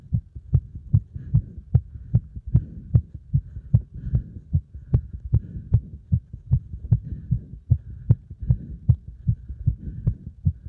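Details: Fast, forceful, regular heartbeat at about 150 beats a minute, a pounding rapid rhythm of a heart racing under strong exercise load.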